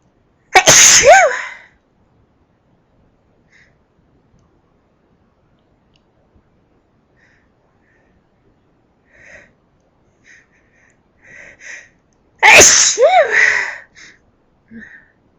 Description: Some loud sneezes..... well i think they're loud ;-)